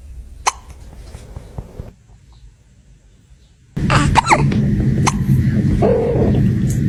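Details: Kitten hiccups: sharp, brief clicking hiccup sounds spaced a second or so apart, against room noise and a louder rustling stretch near the end.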